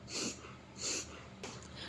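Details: Repeated harsh, noisy snorts pulled in through the nose by a dog: reverse sneezing.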